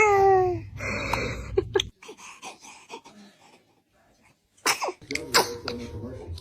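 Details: A baby's small, sharp sneezes with snuffly breaths in a small room, amid adult laughter, chatter and "bless you"; sneezing.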